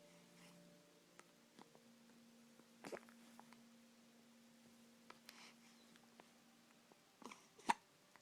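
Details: Quiet room with about three brief, sharp hiccup catches spread over eight seconds; hiccups.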